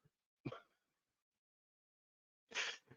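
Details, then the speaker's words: Man coughing while talking during a recorded conversation, trying to mute it. "oh yeah I was I was trying to mute that because I'm coughing guys sorry"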